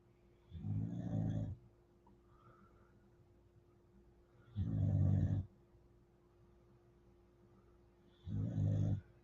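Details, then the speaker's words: Sleeping female dog snoring hard, reportedly putting on weight from extra treats: three low, rumbling snores on slow breaths in, about 16 a minute, with quiet pauses between; ordinary sleep snoring. "Katrina, glad you're still here. I know you can hear her snoring. She hitting it hard."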